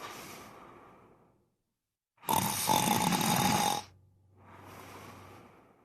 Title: Кошка спит и храпит | The cat sleeps and snores